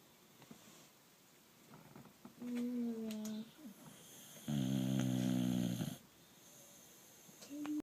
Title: Rosco the snoring boxer